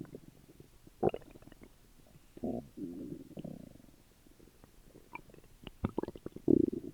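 Gurgling, squelching abdominal rumbles with short pops and longer bubbling growls, typical stomach noises after a meal.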